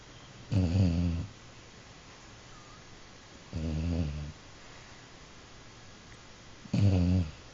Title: Jack Snoring